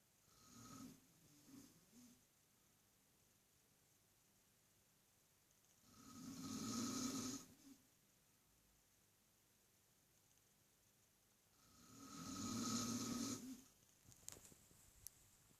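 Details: Adult snoring during sleep in a quiet room: long, raspy breaths with a rattling snore roughly every six seconds.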